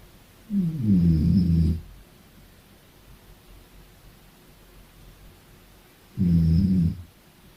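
Two low, rumbling snores about five seconds apart, each lasting over a second, against quiet room noise; ordinary snoring.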